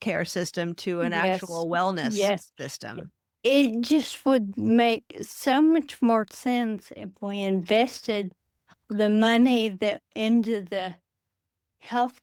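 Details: Adult woman with Friedreich's ataxia, a rare progressive neurodegenerative disease diagnosed at age 23, which she says affects her speech and can cause speech and swallowing difficulty; she uses a wheelchair. Finding: ataxic dysarthria.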